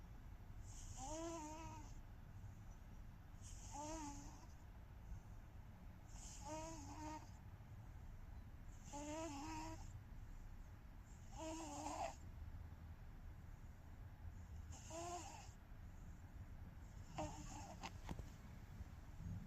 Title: So exhausted she's snoring & twitching #cats #cat #catshorts #catvideos #cutecats #shorts #sleep